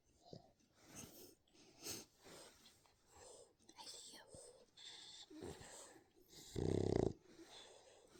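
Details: Snoring from Diva while falling asleep, described as pretty obnoxious.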